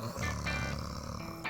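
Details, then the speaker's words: An adult father's snoring, shown before trying a nasal dilator: a single loud, low, rough, grunting snore over faint background music. "Ayahku aja tipe yang ngoroknya itu yang kayak gini nih."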